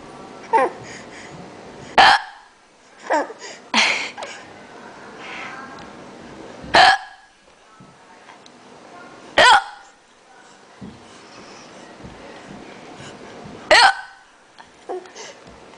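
Repeated sharp, abrupt hiccup sounds, about six in fifteen seconds, at irregular intervals with faint background sounds; hiccups.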